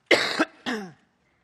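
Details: Two coughs in quick succession, the second shorter and fading, interrupting a speech about the Manchester Arena attack.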